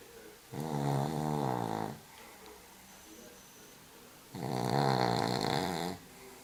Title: Awesome Snores from HRH Cavalier King Sam